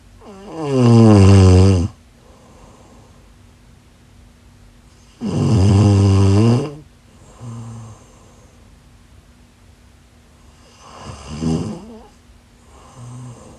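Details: Loud, deep rattling snores on each inspiration, about 13 per minute, quieter expirations, quiet room, from a sleeping woman; ordinary snoring.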